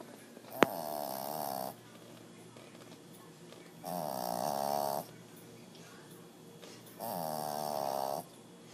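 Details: Three loud, buzzing, fluttering snores, each about a second long and roughly three seconds apart, about 20 breaths a minute, with quiet between; snoring.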